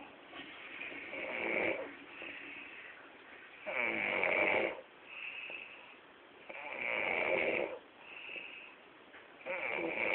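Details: Man asleep in a hotel room after drinking to celebrate, real recording: loud rhythmic snores with each breath, rough fluttering on inhalation and softer exhalations, about 21 breaths a minute; snoring.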